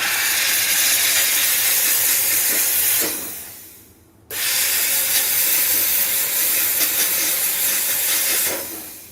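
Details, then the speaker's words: Loud steady hissing steam jet, brief pause, then more hissing: steam cleaner cleaning a dirty 3D-printed dental model before the final reveal of an orthodontic retainer with labial acrylic and soldered C clasps. "So usually I put this in, oh, let me steam the model. It got dirty."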